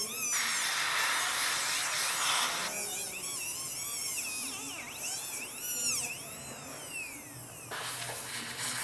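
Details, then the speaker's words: Dental handpiece whine rising and falling as the bur rounds the resin angles of a core built over a cemented glass-fibre post (modified anatomical technique) on a central incisor, recorded during a teaching class; background music. "Vou arredondar a minha resina, [Música] arredondar os ângulos."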